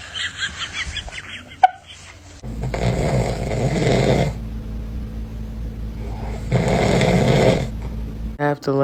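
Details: Father snoring, with a baby reacting: two long, loud, rumbling snores on breathing in, with baby noises and laughter nearby in a small room; snoring.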